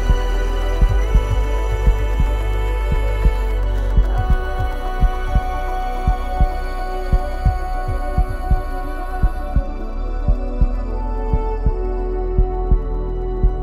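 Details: Produced heartbeat sound effect in an epic music mix: regular low thumping, about 57 beats a minute, under sustained ambient music.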